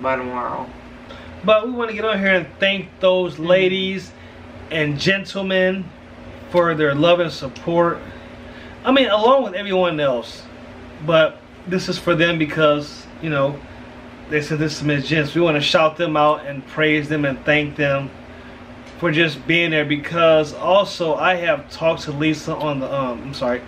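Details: Adult male speaker; Normal speech.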